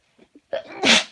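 Two short indrawn breaths, then one loud, explosive burst of air through the nose and mouth: a single sneeze.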